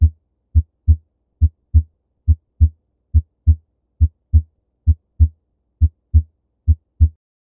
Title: Area of Heart auscultation Normal #heartphysiology #science #biology#medicine#medical#physiology